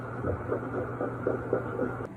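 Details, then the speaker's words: Pregnant cat on B-mode ultrasound, five kittens seen, birth expected within a week: rapid, regular whooshing fetal kitten heartbeat at about 240 a minute. "我们看一下心脏，然后这是心脏。这声音是什么？小猫的心跳声音。"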